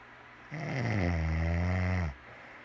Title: Still snoring